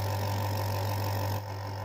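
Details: Apollo portable nebulizer compressor running after repair of a no-airflow fault, with the washer temporarily fixed: steady low mechanical hum of a small pump motor, then slightly quieter; air now flowing normally.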